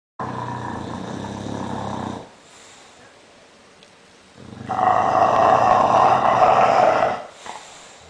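Two long, loud, rough, rumbling breath sounds separated by a quiet pause, typical of heavy snoring in a flat-faced dog.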